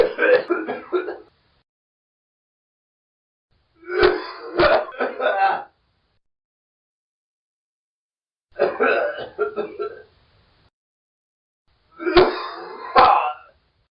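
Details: Adult man acting a dry, forced cough as a sound effect: four clusters of short, dry coughs with silent gaps between them.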